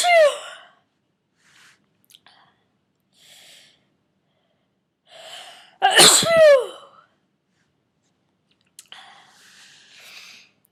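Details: A person getting over a cold sneezes repeatedly, 34 sneezes in all: two loud voiced sneezes several seconds apart with softer breathy sounds between them.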